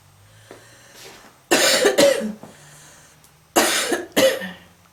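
Two pairs of loud, harsh coughs separated by quiet breathing; a heavy, repeated adult cough.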